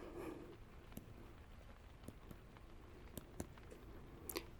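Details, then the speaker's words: Simulated dull percussion note in a roleplay exam demonstration: soft, flat, short taps on one's own closed cheek without air, imitating the note over dense, airless tissue. "a pretty flat sound, right? But if I put air in my cheek, it sounds a lot different, doesn't it? So, that's what we're kind of listening for is those differences in the sound."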